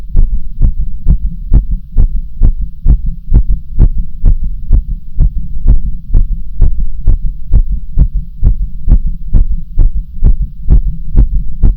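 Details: Heartbeat: strong, regular thudding around 130 beats per minute with a steady low hum.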